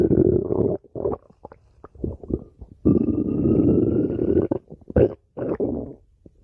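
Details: Stomach growling (borborygmi): loud gurgling and long groaning rumbles, some with a whining pitch.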